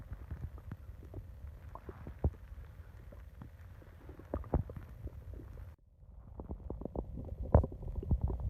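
Low, irregular gurgles and rumbles from the belly with quiet room noise, ordinary stomach growling from gas and fluid moving through the gut.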